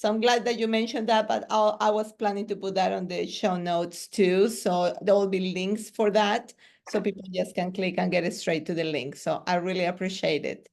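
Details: Adult woman; Normal speech.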